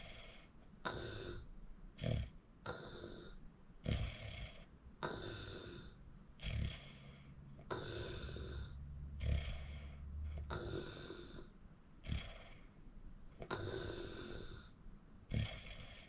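Loud rattling snores on each breath in with hissing breaths out, about eight breaths in sixteen seconds; heavy snoring during sleep.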